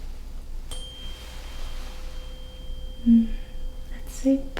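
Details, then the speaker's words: Tuning fork struck for a Weber hearing test in a simulated ASMR head-to-toe assessment roleplay: clear, steady pure tone slowly fading, soft voices follow. "okay so this is the Weber test I'm just going to hit the tuning fork let me know if you hear it first on your right ear your left ear or both"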